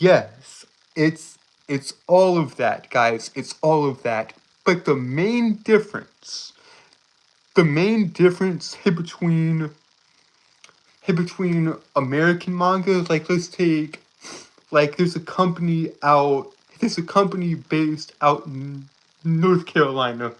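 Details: Adult male streamer with a self-reported speech impediment that makes him stutter and trip over his words; stuttering.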